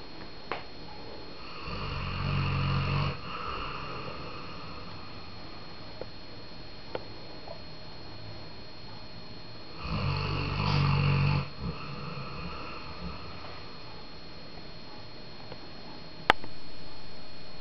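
Two loud, low, rattling snores about eight seconds apart, with quiet breathing and room noise between; snoring.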